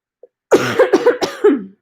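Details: Run of about four harsh, partly voiced cough bursts, no rattle or wet sound, from an adult about two weeks into COVID-19: dry cough.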